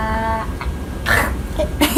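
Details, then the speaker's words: Real adult woman in a nurse's head-to-toe cranial nerve exam, tongue out, says a brief sustained "ah" followed by two short throaty retching bursts: a normal gag reflex. "Now, I do have to make you gag, okay? So can you stick out your tongue? And can you say ah?"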